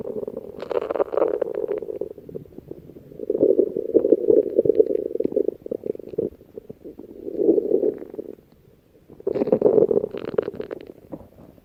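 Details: Stomach growling (borborygmi): low rumbling, gurgling bursts that come and go over several seconds, from gas and fluid moving through the gut.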